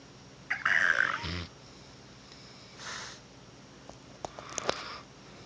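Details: Rottweiler napping after a long day of play: irregular rough, noisy breath bursts with a few soft snorts and clicks; snoring.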